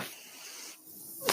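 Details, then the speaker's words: Speaker's own mechanical ventilator breathing cycle during a podcast: a steady airy hiss of gas flow, a brief lull, then flow resuming with a louder puff at the end. "That noise you're hearing is my ventilator."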